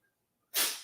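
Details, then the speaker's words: Pet cat in a sneezing fit in the background: a single sharp, hissing sneeze after a moment of quiet, one of many sneezes. "a sneezing fit right now in case y'all were wondering what that noise in the background is it's my sweet little shootie"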